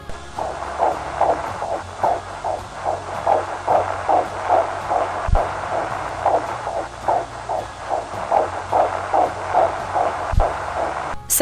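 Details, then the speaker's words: Rapid, regular whooshing fetal heartbeat, roughly 140 beats a minute, heard on a 4D ultrasound at a pregnancy center scan. "many times when a girl hears a heartbeat and she's looking at a heart that is the size of a printed period on a typed piece of paper"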